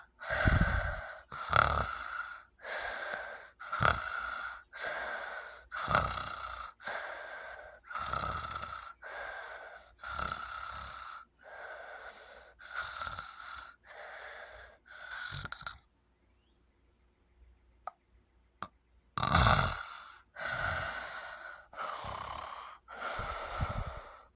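Loud, rough, rapid snoring breaths, a brief silent pause, then a sharp gasp-like breath as snoring resumes.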